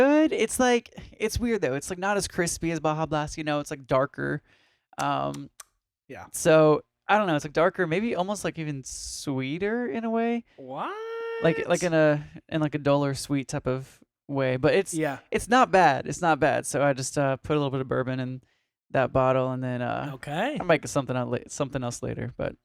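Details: Adult male speaker; Normal conversational speech.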